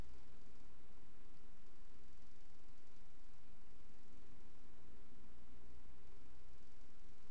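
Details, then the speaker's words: Mitral valve prolapse: quiet, low heart sounds with an extra sharp, almost metallic click in mid-systole. "histórico también es casi un click metálico"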